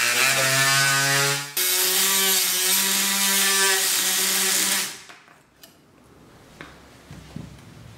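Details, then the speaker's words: Steady high buzzing whine about five seconds, pitch dipping briefly, then stopping as the saw completes the humeral head cut after intramedullary guide removal, reverse shoulder arthroplasty instrumentation workshop; surgical bone saw. "entonces en este momento tenemos que retirar la guía intramedular para terminar de hacer nuestro porte ahora si procedemos"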